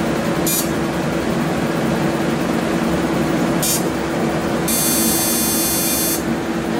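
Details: 28-year-old male, first Deep FX fractional laser skin treatment: steady room hum with brief high hissing bursts and a longer high-pitched buzzing tone as the laser fires.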